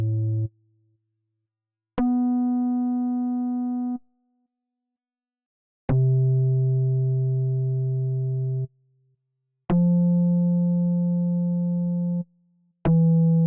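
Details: Simulated pure-tone audiometry in an ASMR hearing exam role-play, not a real clinical test: steady pure tones of several pitches, each a few seconds long with pauses between, with the listener asked to raise a hand on hearing tones on that side.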